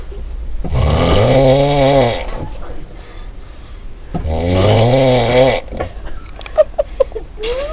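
Two loud, long, rattling snores on breathing in, a few seconds apart; snoring.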